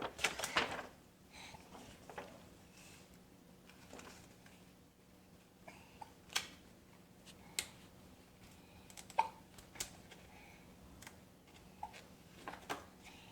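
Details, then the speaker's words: Young child having recurring hiccups, short sharp clicking catches every second or two, while playing: hiccups. "You got the hiccups?"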